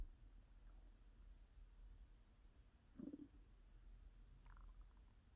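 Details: ASMR recording of an adult's belly: low, soft rumbling with a brief louder gurgle and a short higher squeak from hunger and digestion; borborygmi (stomach growling).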